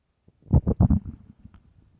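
A deep, loud rumble in a few quick pulses, trailing off into soft gurgles; ordinary hunger growling of the stomach.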